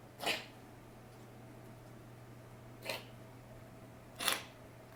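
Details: Dry cough in a French bulldog puppy with kennel cough: three brief, sharp, hissing bursts.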